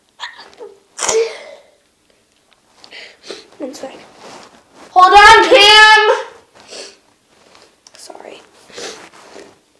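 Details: Sneezing: one loud voiced sneeze burst among quieter breathy sounds and sniffles, in a small room.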